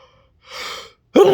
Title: induced sneezes